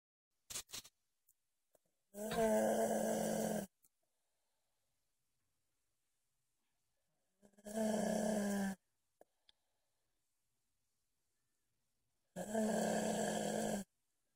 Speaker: This kid can snore.